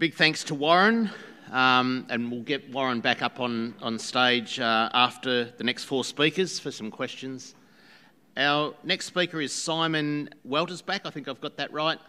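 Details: Adult man; Normal speech.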